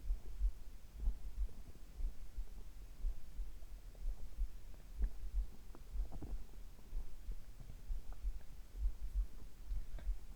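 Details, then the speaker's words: Recording of a person's heart and bowel sounds captured at the same time: soft, low thumping heartbeat at a slow resting rate of about 60 a minute under a steady hum, with faint bowel gurgles; normal heart sounds. "心音はゆっくり聞こえたでしょうか。"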